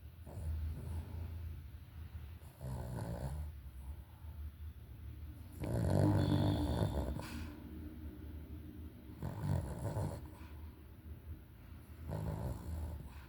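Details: Female dog snoring while napping: low, rumbling snores repeating about every three seconds, roughly 20 breaths a minute, with soft room noise.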